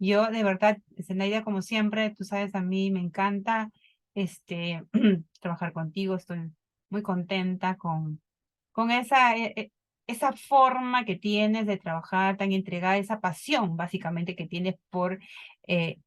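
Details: Adult woman speaking Spanish; typical speech.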